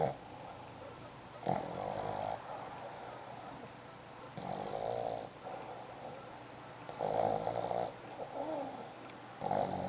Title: Snoring.mpg